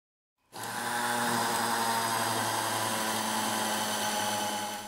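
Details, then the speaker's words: Implant drill whirring steadily (max 800 rpm) during deep drilling with 3.0 mm then 3.5 mm standard drills, preparing implant bed for a MEDENTIKA MicroCone implant (4.5 mm × 13 mm) in region 36, third quadrant, extremely compact cortical bone. "Para la primera perforación profunda utilizamos una broca estándar de 3,0 milímetros. Para la siguiente perforación profunda se utiliza la broca estándar de 3,5 milímetros"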